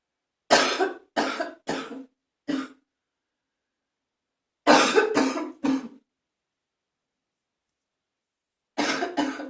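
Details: Morning phlegmy productive cough with spitting in a bathroom: nine loose, wet coughs in three bursts separated by quiet pauses.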